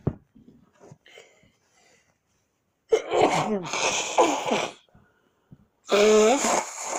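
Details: Sneezing fit with stuck sneezes: quiet catching breaths, then two forceful sneezes in quick succession and a third loud voiced sneeze.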